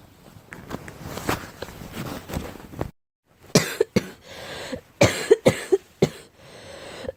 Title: Girl coughing 334